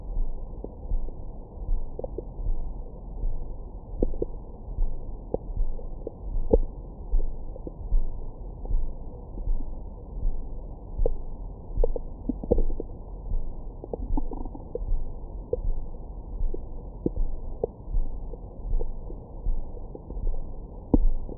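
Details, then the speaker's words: Abdomen recorded with a Stemoscope stethoscope microphone after a large meal: low gurgling and rumbling with scattered squeaks and clicks. Ordinary bowel sounds of digestion. "뱃속 안에는 다양한 생물들이 살고 있어요. 안에 뭔가 화가 잔뜩 나신 아주머니도 계시는 것 같고 막 한 번씩 아 이런 느낌의 사운드도 들어보실 수 있습니다."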